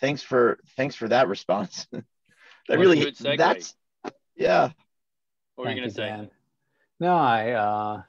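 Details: Adult man in his forties who has stuttered since childhood, in natural conversational speech; stuttering.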